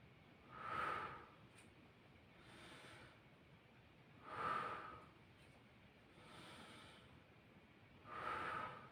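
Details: Nursing student demonstration, auscultation of posterior thorax while patient breathes in and out through mouth: slow, steady breathing about 16 a minute, soft airflow, no wheeze; normal breath sounds.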